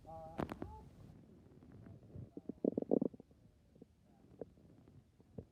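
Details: Stomach growling (borborygmi): gurgling, bubbly rumbles and squeaks from the belly.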